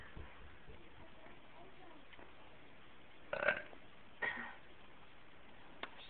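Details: Voluntary burping on command: two low, rumbling throaty bursts over quiet room noise; burps.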